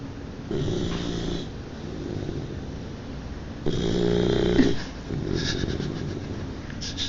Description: Our French Mastiff @ 3 months old snoring